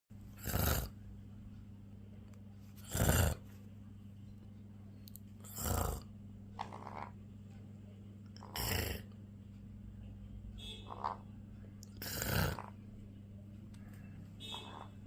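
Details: Pet parrot imitating its owner's human snoring: five loud, rasping snore-like bursts about every three seconds over a steady low hum.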